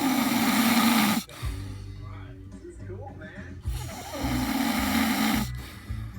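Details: Loud rasping snores on breathing in, separated by quieter breathing out, with music in the background; snoring.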